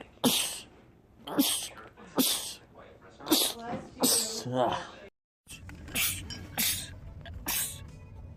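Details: Men's rapid sneezing compilation: several sharp, explosive sneezes in quick succession, some with a voiced lead-in, against faint background sound; a rapid sneezing bout.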